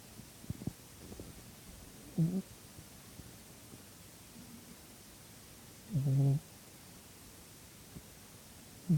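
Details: Female cat asleep, snoring with short, low rumbling snores every few seconds against quiet room noise.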